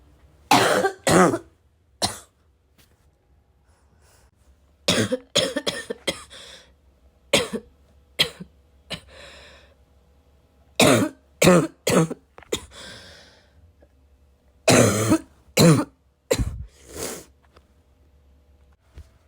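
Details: Heavy barking smoker's cough from someone who vapes, unsure whether it is from the vape or an oncoming illness: repeated harsh barking coughs in clusters with throat clearing and snorting between bouts.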